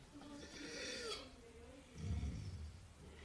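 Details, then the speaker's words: Inspiratory wheezing noise coming from the larynx, presented in a veterinary case on canine laryngeal paresis, paralysis and collapse; the sound may not be very clear. Inspiratory laryngeal stridor. "I don't know if the sound is clear enough but you can see the wheezes in coming from the larynx"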